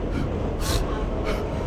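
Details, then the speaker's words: Acted gasping in a comedy sketch: two sharp, breathy intakes before a sneeze, over steady background noise. "Dude, stop that. Stop what? Stop stifling your sneezes, it's bad for you."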